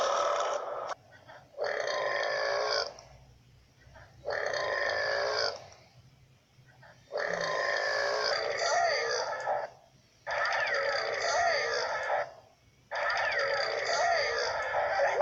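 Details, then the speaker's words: Comedy programme character blaming mince pies for wind: six long, drawn-out, loud burps in a row, each lasting over a second; burping. "sorry Artie these mince pies give me terrible wind I am trying to count the Stars your wind is interrupting me"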